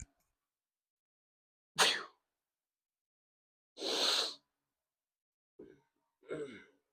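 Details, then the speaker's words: Someone who is sick with a stuffed nose sneezes through the mouth during a shoulder and abs workout: two sharp, breathy bursts with smaller puffs between them. "I, a lot of times when I'm sick like this, I have to sneeze through my mouth. If I sneeze through my nose, then snot just goes everywhere."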